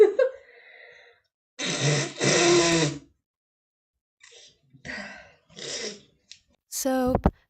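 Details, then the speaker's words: Repeated sneezing from seasonal spring allergies, allergen unknown: two loud explosive bursts close together, then smaller sneeze-like sounds and a brief voiced cry. "i'm good i promise this is just allergies but i'm suffering okay"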